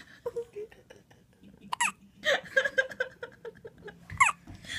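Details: One-week-old baby girl with hiccups: short, sharp, squeaky hiccups recurring among giggles and adult chatter.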